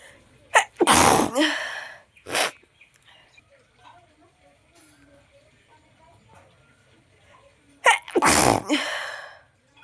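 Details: Nose sneezing challenge at home: two loud, explosive sneezes with sharp inhaled catches before each, separated by a quiet stretch; ordinary sneezing.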